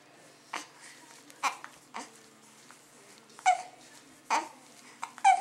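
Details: Happy infant babbling and making happy noises while hiccuping; short, sharp catches in the breath between soft babbling, about six in five seconds; infant hiccups.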